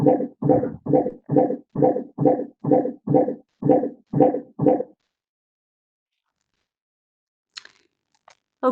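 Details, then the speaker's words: Intermittent fetal heart auscultation in labour for 15-second counts: a deceleration that recovers over the first 20 seconds to a true baseline of 158 beats per minute; 60-second counting may falsely reassure. "this tells you that your baseline is actually a hundred and fifty eight x per minute and what you heard at the beginning was therefore a deceleration that recovered over the first 20 seconds"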